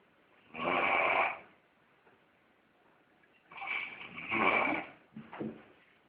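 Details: Loud, rough inspiratory snores spaced by quiet pauses, ending with a shorter snort; snoring during sex.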